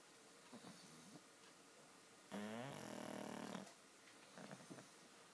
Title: Snoring Pugs